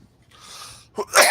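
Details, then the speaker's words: A person coughs during a podcast recording and says the lingering cough will never go away. "this cough will never go away it's ridiculous"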